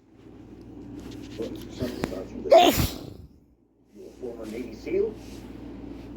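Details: Adult male with a sneezing fit induced by chhikni powder: a gasping build-up into a loud sneeze, then a pause and more breathy build-up sounds.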